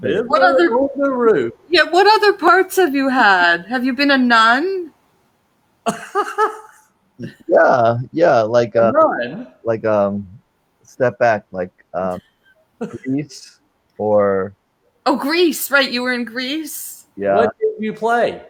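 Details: Adult man with aphasia since a stroke during heart valve surgery in 2007, at first limited to single words, now non-fluent with repetitions and filler words; non-fluent aphasia.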